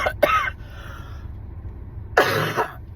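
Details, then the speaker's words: An adult who is still coughing gives three short, harsh cough bursts with quiet pauses between them; a lingering cough. "as you can hear still coughing"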